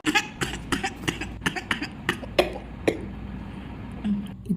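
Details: A run of about nine short, dry coughs, then a low throat-clearing grunt, from an adult with a sore throat and throat pain.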